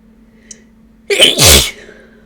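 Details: Sneeze after bringing a ragweed stalk indoors and adding chhinkni; the person suspects a ragweed allergy and reports an itchy, runny nose. A sharp inhaled catch is followed by one strong explosive sneeze.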